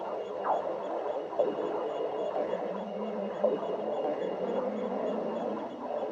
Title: Sticks the badger stomach growling 3